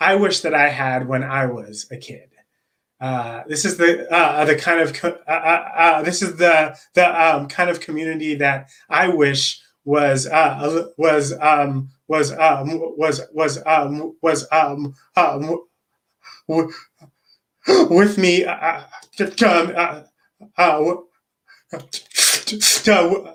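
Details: Stuttering in an adult man who says he is a person who stutters; repetitions and long pauses.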